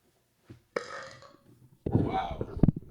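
A brief noisy exhale, then a loud, low, rumbling burp of about one second from an adult in a quiet room; an ordinary belch.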